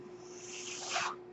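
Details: Person's own mechanical ventilator heard during spoken commentary: a soft rush of air swells and fades over a steady low hum, one delivered ventilator breath.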